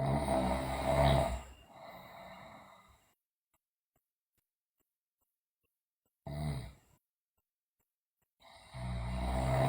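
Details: Sleeping girl snoring: loud, low, rumbling snores on breaths with long silent gaps between them; heavy snoring, also reported teeth grinding and sleep-talking.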